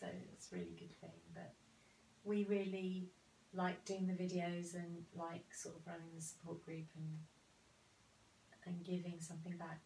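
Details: Adult speaker; normal speech.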